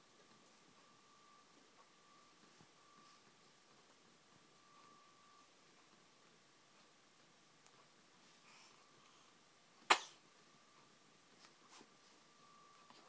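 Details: Tiny sneeze: near silence broken by one small, sharp sneeze.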